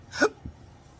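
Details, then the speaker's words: Adult man with chronic intractable hiccups since September 2016: a single sharp, abrupt hiccup with a soft thump after it. "So I can't walk on a set, let alone work on set, hiccuping like this."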